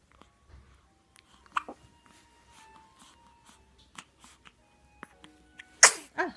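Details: Newborn baby, who also has hiccups: a quiet room with soft, faint sounds, then one sharp sneeze burst near the end, followed by a small after-sound; sneeze.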